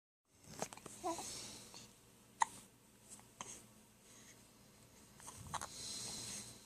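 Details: Several sudden, sharp, gulping catches in breathing over a few seconds, with room noise, heard at night in the bedroom while she was awake and her dad snored: hiccups.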